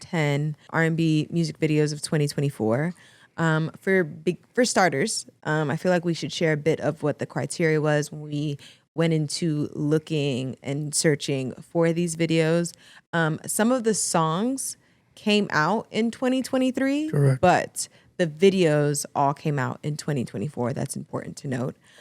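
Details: Adult woman speaking; normal voice.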